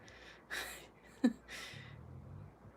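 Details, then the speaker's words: Dog asleep under a chair, snoring: two soft, noisy breaths in a quiet room, the second with a low rumbling flutter. "I don't know if you guys can hear this but Dylan is under my chair snoring"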